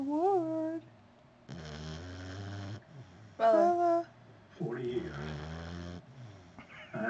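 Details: Female puppy snoring while asleep on the owner with her eyes open: irregular nasal snorts and squeaky whines on breaths during sleep; snoring.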